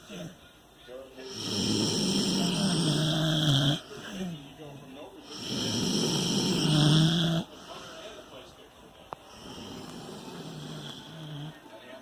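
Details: Snoring contest between a dog and a teenager: slow, rough, rattling snores on each inhaled breath, about 16 breaths a minute, with quieter exhalations between.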